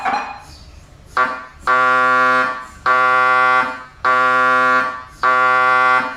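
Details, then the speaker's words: Loud, harsh buzzing tones in repeating one-second bursts, roughly 50 a minute, heard during MRI scanning; gradient-magnet noise from a scanner. "there was such a variety of sounds that I thought what what is actually going on and why is it so loud but it's just it's a byproduct of the heavy machinery and the power of the magnets that that it uses"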